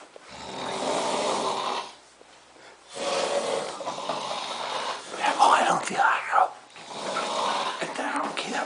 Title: Roncando en Lerida 2